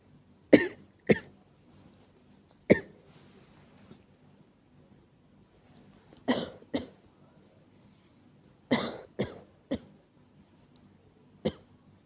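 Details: Acted night-time coughing by a woman (all simulated): nine sharp coughs in small clusters separated by quiet pauses; cough (acted).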